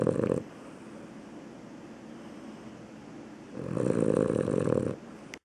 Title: Sleep Barking and Loud Snoring